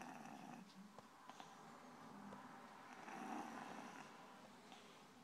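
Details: Kitten sleeping with its head on a laptop as a pillow: soft, quick, rattly breathing sounds amid room noise; light snoring.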